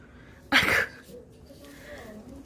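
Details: An elderly, chubby black cat sneezes once, sharply and explosively, after catnip from a can got into its nose, in a quiet room: cat sneeze.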